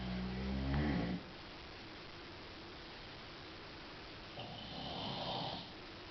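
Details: Adult man snoring in a hotel room around 3 a.m.: deep rumbling snore, a quiet pause, then a softer whistling breath, against steady room hum; loud snoring with a wide range of noises during sleep.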